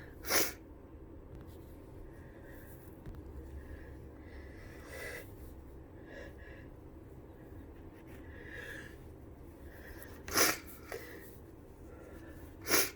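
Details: Three short, muffled sneeze bursts with quiet breathing and room noise between; sneezing with flu.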